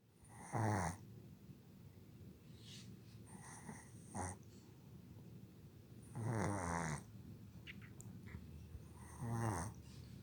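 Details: Dog snoring while asleep: four soft, fluttering "goooommmpphhh"-like snores at irregular intervals in a quiet room.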